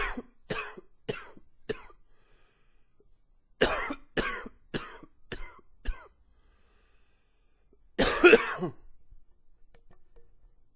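Three runs of sharp, harsh coughs, about eleven in all, with a longer retching gag at the end; a prolonged coughing fit.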